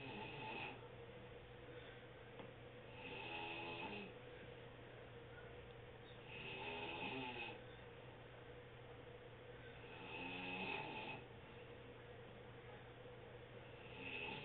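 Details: Aunt snoring at 1 pm: regular rattling inward-breath snores roughly every 3.5 seconds, about 17 a minute, over steady room hum.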